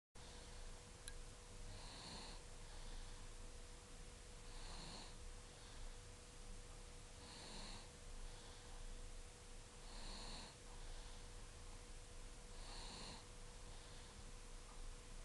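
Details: Sleeping young family member's quiet snoring: soft, regular rasping breaths about every two to three seconds, roughly 22 a minute, over steady hum and room noise.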